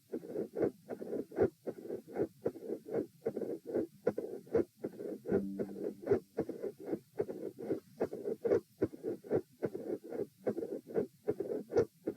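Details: Repeat heart auscultation stress test at chest position E (rates 84, 96, 114, 78 bpm while lying, sitting, standing, lying): regular heart sounds near 78/min with a midsystolic click, a murmur and a fixed split S2.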